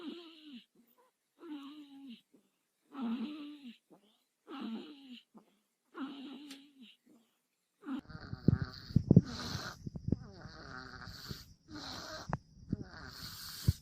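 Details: Baby snoring, from a compilation of babies making weird noises.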